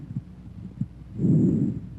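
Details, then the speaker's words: Teaching recording of normal bronchovesicular breath sounds, heard at the first and second interspaces anteriorly and between the scapulae: intermediate pitch and intensity, with inspiration and expiration about equal in duration and a silent gap that may or may not separate them. "bronco vesicular sounds have an intermediate pitch and intensity inspiratory and expiratory sounds are about equal in duration and a silent gap may or may not separate them"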